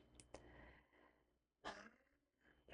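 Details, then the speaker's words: Oldest child with a really bad cough, heard from a distance: several faint, sharp coughing bursts in the background of a quiet indoor room. "Don't know if you could hear the cough. That's my oldest that has got a really bad cough."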